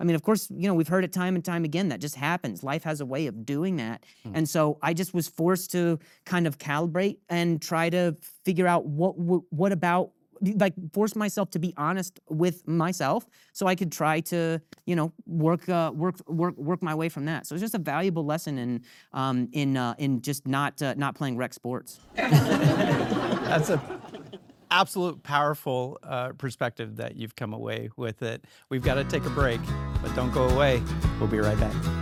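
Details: Adult man with acquired persistent stuttering that began at age 20 after a traumatic brain injury: a softball struck his throat and he hit his head; initially diagnosed as minor vocal contusion with major concussion.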